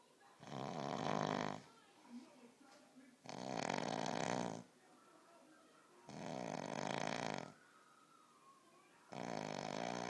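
Loud, harsh, rattling snores on each breath in, about four in ten seconds, with quiet breathing out between; heavy snoring.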